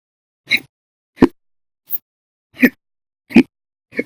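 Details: Abrupt, short voiced gulping sounds roughly every 0.7 seconds, one much fainter, in an episode of violent, loud hiccups lasting over 14 hours after meals and a cup of soda: persistent hiccups, audio only.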